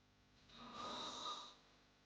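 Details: Snoring sound-effect recording: a single brief, harsh nasal snort lasting under a second.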